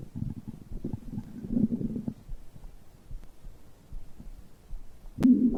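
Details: Low gurgling and rumbling, rising briefly near the end; ordinary stomach growling bowel sounds of digestion recorded after drinking a beverage.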